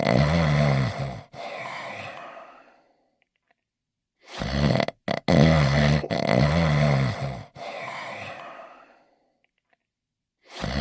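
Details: Loud, rumbling acted snores with long pauses, voiced by cartoon character Barnyard Dawg sleeping in his bed; cartoon snoring, not real.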